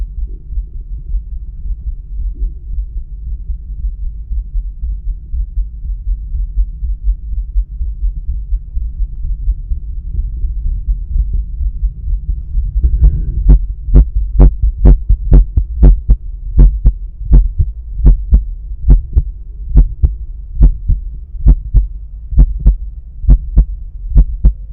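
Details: Self-recorded stethoscope at the pulmonic area during breath holds with a visible carotid pulse: after a low rumbling start, a steady regular heartbeat at around 66 per minute, normal heart sounds.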